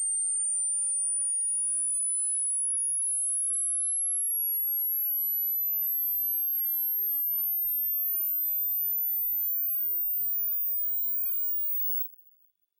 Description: If you want to know how old are your Ears and their respective range of hearing the required frequencies check this video out.